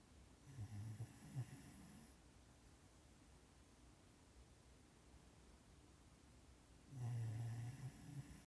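Two low rattling snore bursts separated by a quiet pause, from a sleeping dog; ordinary snoring.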